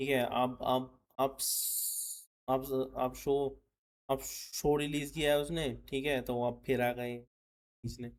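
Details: Adult male, self-identified person who stammers, speaking in his own commentary with word repetitions; stuttering.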